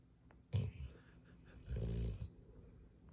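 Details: Hound dog asleep on the couch, snoring heavily.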